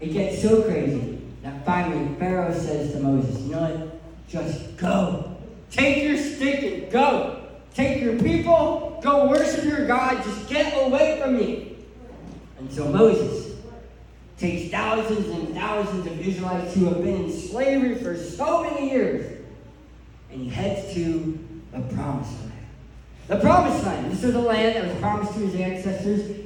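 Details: Adult male who lost 80% of his tongue to cancer, with a permanent speech impediment: articulation impairment after partial glossectomy.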